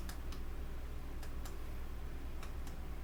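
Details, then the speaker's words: Nurse's respiratory assessment: paired sharp taps of chest percussion over each lung lobe on the patient's back, checking resonance; resonant note consistent with normal air-filled lung. "and basically what i'm checking is is the resonance the resonance and i'm checking the vibration to make sure you have it accurate of air okay"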